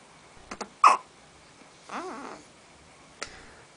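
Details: Hiccups: a few abrupt catches, one louder, then a brief soft vocal sound in a quiet room.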